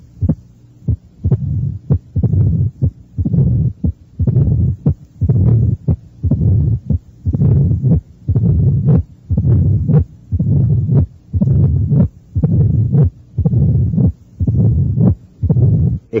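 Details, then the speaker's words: Mitral stenosis (teaching recording): accentuated S1, opening snap masked by a low rumbling mid-diastolic murmur, and presystolic murmur, built up step by step, about 60/min. "ste es el complejo a oculta torio clásico encontrado en la estenosis mitral un primer ruido acentuado un chasquido de apertura un soplo mesos diastólico y un soplo pre sistólico"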